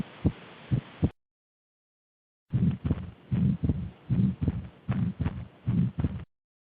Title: AUSCULTA PULMONAR E CARDÍACA